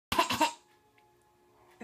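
Three quick, harsh cough bursts in a row from an adult, then a faint steady hum in a quiet room; a brief coughing fit.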